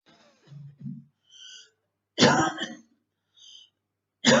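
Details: Girl with very hard bronchitis during quarantine: two loud, harsh coughs with throat clearing and short breaths between them.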